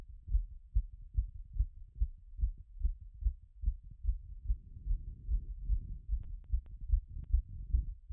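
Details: Self-recorded post-workout heart auscultation after the heart rate had peaked around 180 and settled: a steady, regular, low thumping heartbeat through a stethoscope; heart sounds after exercise.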